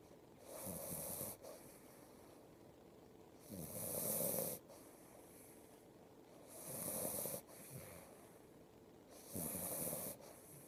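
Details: Four rough snoring breaths at about 22 a minute, each with a low flutter and a soft snort: steady snoring.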